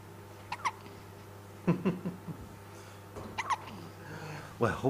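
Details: Baby hiccups: small paired catches of breath with a soft squeak, repeating every second or two over low room hum.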